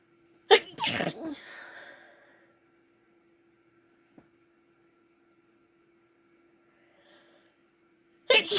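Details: Female induced sneezes into a tissue: a sharp, explosive sneeze with a brief trailing breath, then quiet, and the start of another sneeze at the end.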